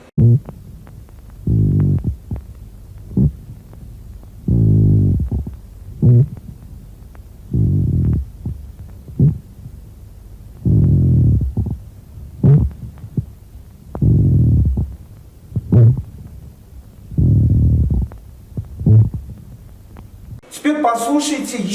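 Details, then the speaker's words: Pleural friction rub played in a lung auscultation lecture: a rough rubbing sound that, unlike fine moist rales, does not change with coughing and may even be felt on palpation. "шум трения в отличие от мелька пузырчатой влажных Липов не меняется при покашливании пожалуйста прослушаем шум трения плюры"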